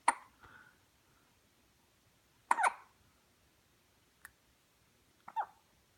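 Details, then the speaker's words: Four brief, abrupt, gulping sounds spaced irregularly over six seconds in a quiet room, from a dog: hiccups. "What you thinking about, huh? How annoying hiccups are? I know."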